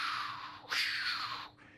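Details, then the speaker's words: Vocal imitation of the continuous machinery murmur of patent ductus arteriosus, common in premature neonates: a continuous rushing sound with systolic accentuation that swells louder, in a large left-to-right shunt with bounding pulses and wide pulse pressure. "they'll have a continuous Machinery murmur forgive me I'm going to try to duplicate it"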